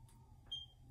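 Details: Ankovo fingertip pulse oximeter being switched on by button press, before an exercise-bike test: a single short, high electronic power-on beep.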